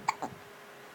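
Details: A single short, sharp hiccup from a baby girl with a faint catch after it; ordinary infant hiccups.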